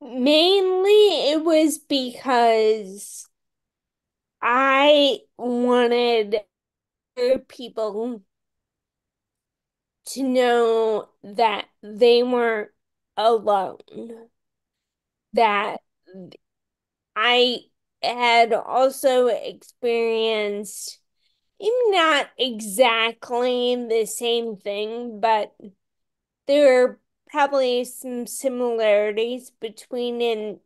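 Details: Ataxic dysarthria in a woman with Friedreich's ataxia, a rare, genetic, progressive disease, diagnosed around age 16 in 1990 with genetic confirmation around 1999-2000; real speech, and she reports voice issues.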